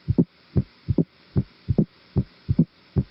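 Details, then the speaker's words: High-pitched, snapping opening snap in early diastole, just after the second sound, heard inside the apex over the mitral area at about 75 beats a minute; it is heard in mitral stenosis with a stiff mitral valve. Teaching lecture example. "وده هيرد انسايد ذا ايبكس اللي هي على الميترال اريا اللي هو بتاع جاست ذا اوبننج اوف الفيرست بتاع الميترال اريا اللي هو ده البيجيننج اوف الدايستول هاي بيتشد وسنابنج، وده بيتسمع في العينين بتوع الميترال ستينوزس."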